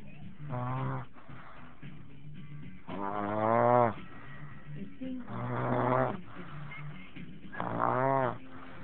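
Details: Baby girl snoring; four drawn-out, buzzy, voiced breaths with quiet pauses between, about every two and a half seconds; snoring.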